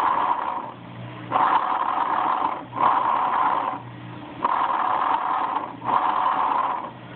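Loud, hollow, harsh breath sounds with a clear gap between inspiration and expiration, about 19 breaths a minute: bronchial breathing.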